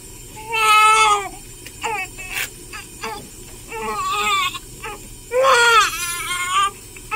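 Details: Repeated high-pitched wailing cries with short breaks from a 13-hour-old newborn girl during her first hospital sponge bath by a nurse, while lotion is applied; a normal healthy newborn cry.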